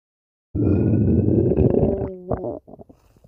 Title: Lemo's Empty Stomach Growling